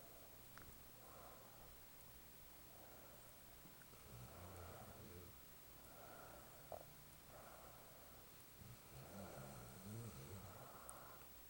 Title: Spike snoring